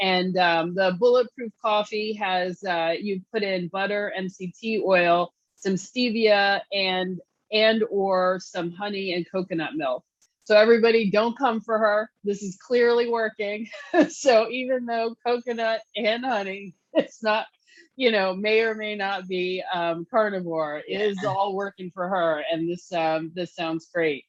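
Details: Adult host speaking; normal speech.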